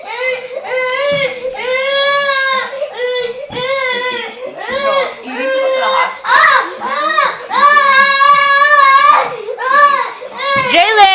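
Loud, sustained infant crying in long wailing bursts with brief catches of breath between them, in a small room.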